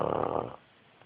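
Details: One rough, rattling snore from a sleeping pug, followed by quiet; snoring.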